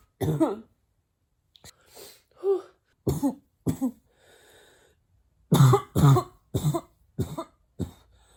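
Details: Female imitating a barking cough with mouth closed: about ten muffled, deep, harsh cough bursts.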